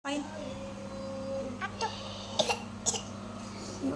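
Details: A young child who is ill with a cough gives several short, sharp coughs in a quiet room, with a voice in the background.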